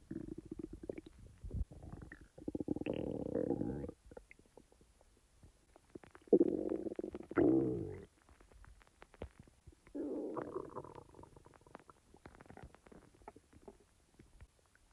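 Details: A person's own real stomach sounds, recorded not in real time: gurgling, bubbling rumbles in several bursts with crackly pops between, normal bowel sounds (borborygmi).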